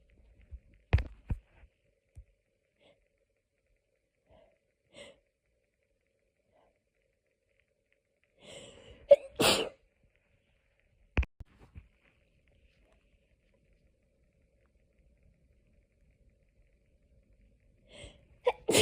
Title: Hayfever sneezing fit edit loop 6 ½ minutes. #sneezingfit #achoo #sneezing #hayfever